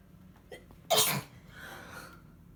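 One forceful sneeze with a short intake of breath before it and a soft sniffle after, in someone with a congested head cold.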